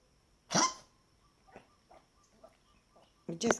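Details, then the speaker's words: Dog (Frita) in a repeated coughing fit: harsh, forceful cough bursts with softer hacks between. "now you done down how many more coughing seizures are you going to have no"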